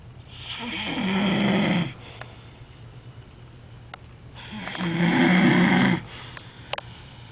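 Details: Real snoring from a sleeping person: two long, rough inhaled snores about four seconds apart with quiet pauses between; snoring.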